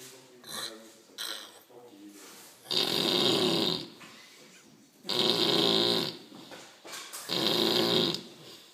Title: Cope hill down 2012 loud snoring man